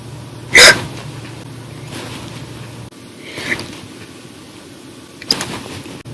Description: The Violent, Little Loud, Silent, Minute Hiccups lasted 1 Hour and 51 Minutes for 6/1/19 after drinking 1 bottle of soda after Dinner.